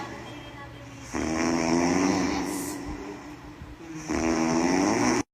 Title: snore loud